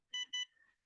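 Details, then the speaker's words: MGrx dry eye treatment system during a one-eye patient treatment: two short high electronic beeps after double-clicking the front button and clicking in the next applicator, signalling the device is ready for the next step. "click it in place and double click one more time when it beeps it's getting ready to go"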